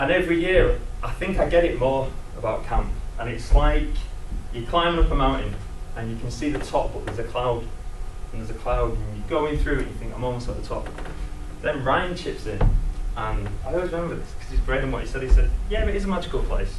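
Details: Adult man who lives with a stammer; stuttering.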